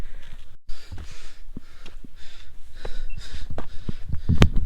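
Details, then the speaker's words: Fast, deep, audible breathing with soft footsteps and knocks at the start of a night trek climbing toward Kalsubai peak: normal heavy breathing from uphill exertion. "सांस की आवाज़ सुन रहे हो कितनी गहरी आ रही है।"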